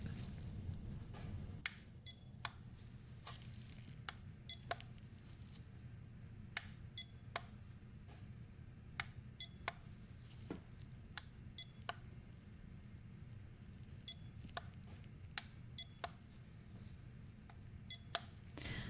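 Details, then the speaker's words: Acted ASMR roleplay of an annual doctor exam, a beep hearing test on both ears where the listener counts the beeps: short high-pitched beeps at irregular intervals over a quiet room hum. "We're going to do another hearing test, but this time it's going to be a beep test. So when you hear the beep, tell me how many times you hear the beep, okay?"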